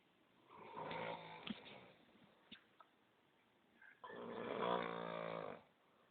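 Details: Sleeping: two long, buzzing, vibrating snores separated by a quiet pause with faint clicks, in a quiet room; snoring.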